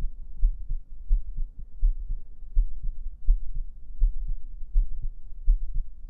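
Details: Steady heartbeat in a 3Dio binaural ASMR stream highlight, soft low lub-dub thumps at about 83 beats per minute; an ordinary-sounding heartbeat.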